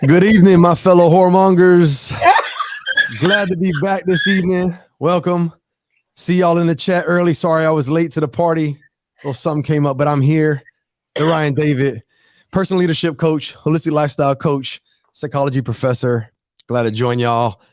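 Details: Adult male speaker; normal speech.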